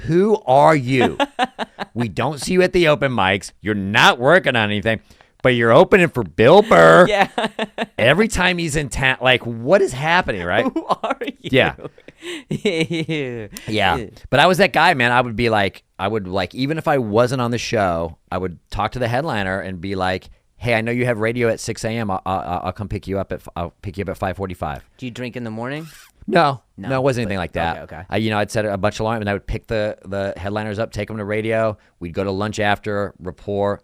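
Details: Adult men in conversation; typical speech.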